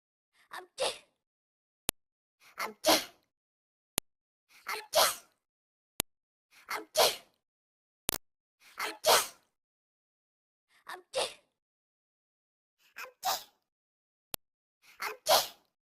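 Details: Sound-effect edit of the Talking Angela game character sneezing, not a real person: eight paired sneezes, each a quick inhaled gasp then a sharp burst, separated by brief clicks.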